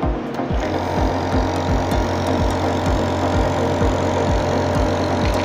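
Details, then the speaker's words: Steady low motor hum with a rapid rattling pulse from an Apollo compressor nebulizer running and inflating a balloon, with background music. "यह guys आप देख रहे हैं की nebuliser से हम बैलून को फुल रहे हैं और अच्छे से फूल रहा है"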